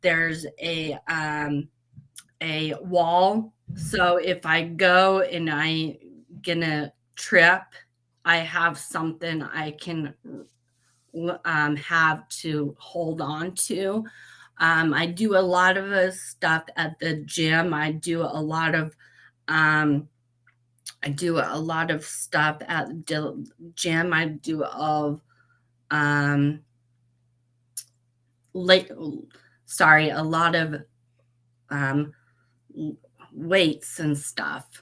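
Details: Aphasia after a stroke at age 38 in a woman, who says she has aphasia since the stroke; at first meeting she could barely be understood.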